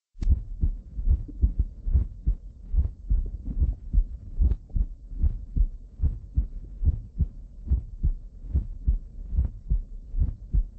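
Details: Heart auscultated with stethoscope diaphragm over standard areas (aortic, pulmonic, tricuspid, mitral) during cardiovascular exam: steady low thumps about 72 beats a minute with faint hum; normal heart sounds.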